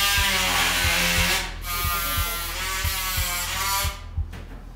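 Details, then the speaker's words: Loud buzzing whine of a powered bone saw, with brief pauses, during hip replacement (endoprosthesis) surgery, as the damaged joint is cut out before preparing the bone for the prosthesis. "Nagu kuulda on, siin käib siis puusariiges endoproteesimine. Saag mürises."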